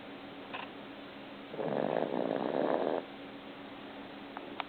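A single soft, rasping breath sound over quiet room hum; a sleeping cat's snore.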